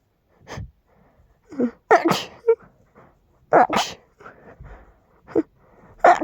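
A rapid run of forceful sneezes, about five or six in six seconds, with snorting breaths between them.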